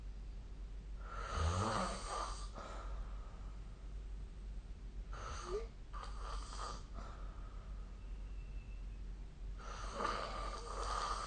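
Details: Snoring during sleep, recorded with a smartphone snore-recording app.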